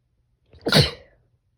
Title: Sneezing in a dusty closet pt 2.